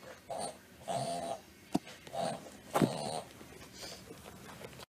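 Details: A dog makes repeated noisy, honking snorts while pulling air in: a reverse-sneezing episode.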